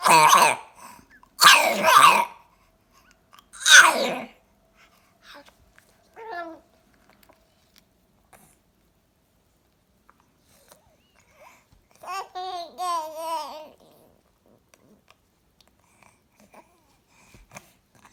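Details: Cat's morning cough: three harsh, forceful coughs in quick succession, followed later by a couple of short meows.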